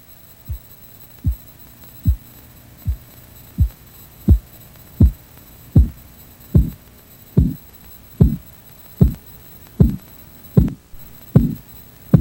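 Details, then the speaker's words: Blood pressure auscultation training example: regular low tapping beats at about 77 a minute, growing louder during cuff deflation. The first sound marks systolic and the last marks diastolic pressure: Korotkoff sounds. "Remember, the first sound you hear is the systolic pressure, and the last sound you hear is the diastolic pressure."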